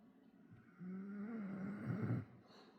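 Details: A Bull Terrier fast asleep on a lap making funny snoring noises: one long, low, rumbling and fluttering breath sound lasting about a second and a half.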